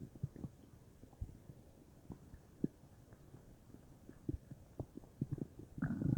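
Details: Bowel sounds (borborygmi); the person was unsure whether they came from stomach or intestines, with the whole belly feeling bubbly: soft, irregular low gurgles and pops, then a louder bubbling rumble at the end.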